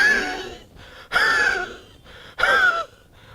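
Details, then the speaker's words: Imitated wheezy cough, three coughs with a whistling, wheezy tone in rough, congested bursts; a wheeze relieved by bringing out expectoration. "you have a very wheezy type of a cuff so and they bring out the expectoration"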